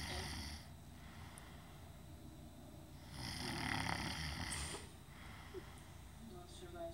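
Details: Adult man snoring while asleep: two rough, rattling breaths in a quiet room with a brief snort near the end.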